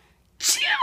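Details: Infant sneeze: after a brief quiet moment, a single sudden hissing burst followed by a rising voiced giggle-like sound.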